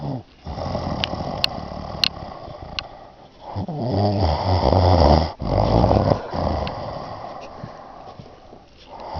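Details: Person snoring during sleep: low, rough, rattling breathing sounds in long surges with brief pauses.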